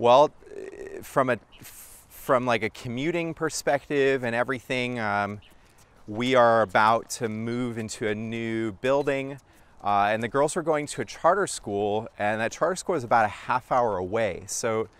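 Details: Adult man speaking; ordinary speech.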